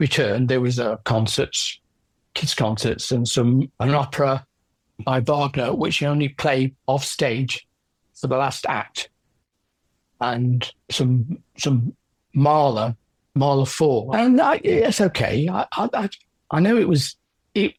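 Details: Adult man with aphasia after a stroke from a left middle cerebral artery blockage 10 years earlier; initially no speech and right-sided weakness; speech since improved, word-finding still difficult.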